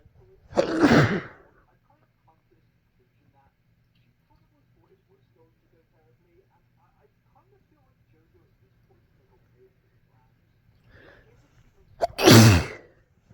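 Two explosive sneezes about eleven seconds apart, the second preceded by a brief in-breath, with quiet room noise between.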